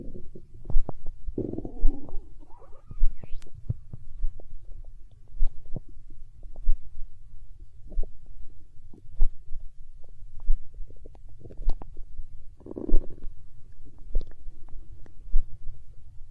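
Low rumbling gurgles with a few longer growls over a steady low hum and faint regular thuds; ordinary stomach growling.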